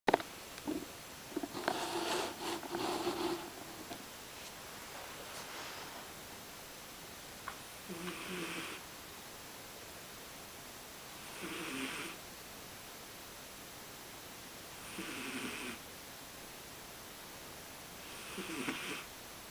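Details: Quiet snoring during sleep: soft, rough noisy breaths recurring about every three to four seconds over steady room hiss.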